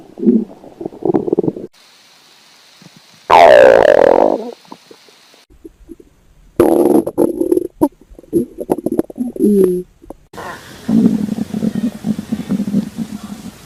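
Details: Bursts of bubbling, gurgling abdominal sounds as a doctor moves a stethoscope around a girl's tummy while she lies on an examination table, with a loud chestpiece scrape: bowel sounds.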